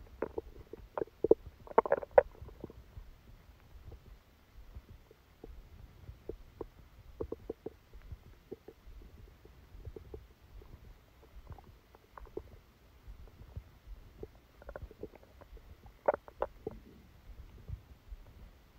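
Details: Abdominal sounds recorded during a stomachache after Christmas dinner while the person slept: soft, irregular gurgles and clicks with a few louder bursts; active bowel sounds.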